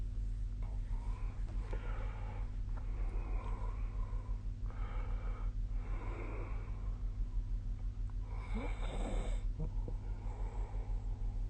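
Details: Sleeping adult recorded with the SnoreLab app: repeated rough, noisy breathing over a steady low room hum; snoring.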